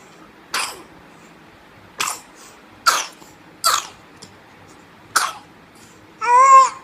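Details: A young child with a cough gives five short, sharp coughs spaced a second or so apart, then a brief voiced whimper.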